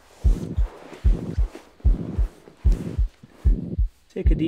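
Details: Simulated stethoscope heart sounds at about 75 beats a minute, with a continuous murmur filling systole, in an adult OSCE volunteer rolled onto the left side: pansystolic murmur of mitral regurgitation.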